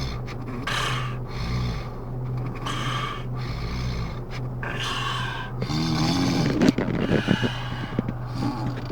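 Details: Repeated rough, snorting breath sounds over a steady low hum; snoring.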